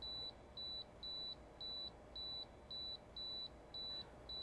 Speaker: as I carefully negotiate the canal I always go very slowly through the initial signal